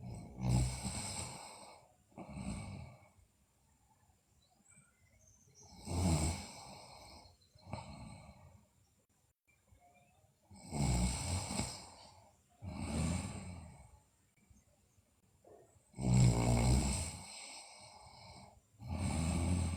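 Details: Sleeping girl, also noted to have bruxism and sleep delirium: irregular noisy breaths with snorting, rasping snores and quiet pauses between; snoring during sleep.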